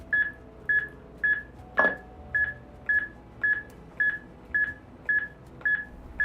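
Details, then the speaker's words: Simulated CPR on a HeartSine AED trainer: regular short electronic metronome beeps at about 110 a minute pacing chest compressions, continuing two minutes before the trainer prompts the transition to two rescue breaths. "le métronome continuera pendant deux minutes pendant ce temps là le formateur devrait informer d'effectuer disciple de transition de poitrine pour deux insufflations"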